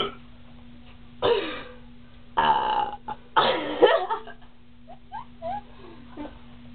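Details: Girls burping deliberately, as much as they can, while drinking cream soda.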